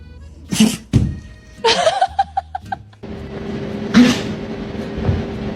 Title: Sneezing dog 🐶 #funny #funnydog #dog #fyp